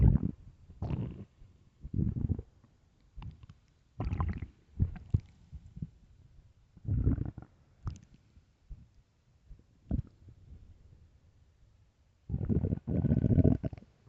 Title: loud deep #emptystomach #stomach stomach growls